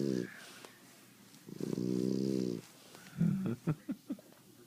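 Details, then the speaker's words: Snoring from someone asleep under a blanket: low, buzzing snore sounds on breathing, followed by a few short snorts. "now I give you the snoring blanket. Let's see where it's coming from, shall we?"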